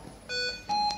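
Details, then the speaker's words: Two short high-pitched electronic alarm tones from a Hamilton C2 ventilator during training: VT low alarm, delivered tidal volume below the set low limit of 231, just after connection; stops by itself after a short while. "Ya, alarm VT low, kenapa VT low? Karena VT-nya terlalu rendah."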